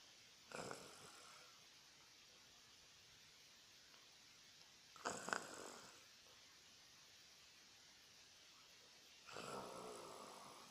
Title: Roncando